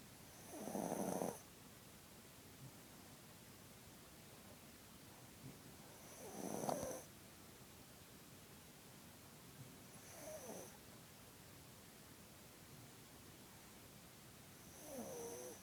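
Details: Snoring: four loud, rasping snores spaced a few seconds apart, about 15 a minute, over quiet room noise; ordinary snoring.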